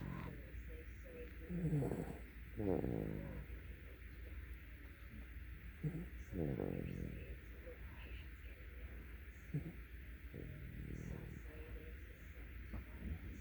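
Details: Snoring recorded January 2020: repeated rumbling, fluttering snores with short snorts over a steady low background hum.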